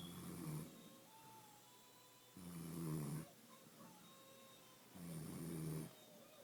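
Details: Low, rumbling snores from a woman with each breath in, about every two and a half seconds, separated by quieter breathing out; steady snoring.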